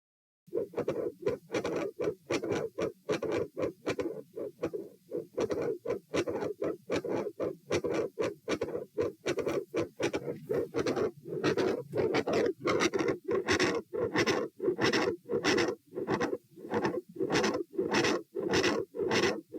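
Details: Continuous heart murmur at auscultation position A during a stress test of lying, standing, sitting, then lying (72-108-90-84 bpm); the sound drops on sitting.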